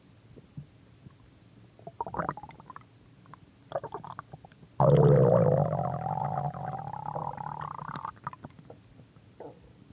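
Gurgles, then a long drawn-out rising growl lasting several seconds; ordinary stomach growling.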